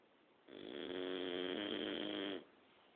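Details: Dog snoring during the night: a single drawn-out, vibrating snore lasting about two seconds; snoring.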